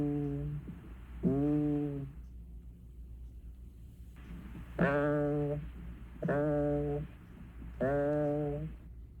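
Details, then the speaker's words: Egophony, reference recording of voice sounds through the chest wall: first the normal 'E', then the abnormal 'A' heard over lung consolidation or effusion, then E and A alternating as in side-to-side auscultation. "First you will hear the healthy or normal sound as e followed by the abnormal a sound. And finally you will hear the e and a sounds alternating as you would in oscultating a chest in a side to side fashion for comparison."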